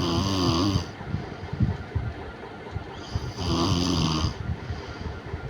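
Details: Loud, buzzing snores with inhaled breaths about three seconds apart from a young child (little sister) napping in the daytime after lunch, lights off; soft room noise between breaths; snoring.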